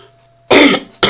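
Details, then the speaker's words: Adult who is becoming ill: a single harsh cough burst after a quiet stretch, with the start of another at the end; ordinary cough during mild illness. "Csak azért mondtam be, hogy ha hallottátok, hogy köhögök, hogy akkor esetleg aki megkérdez, de hogy melyik köhögsz."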